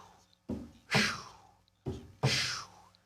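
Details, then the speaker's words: Vocal imitation of a heartbeat with a loud rushing 'sh' murmur, made by a physician to represent a ventricular septal defect (hole in the heart). "but the first noise i was making was actually a vsd a hole in the heart"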